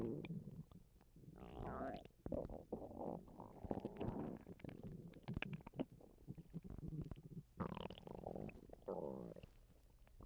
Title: Some more stomach noises sorry I have not posted in some time I’ve been sick/ ￼￼throwing up enjoy 😊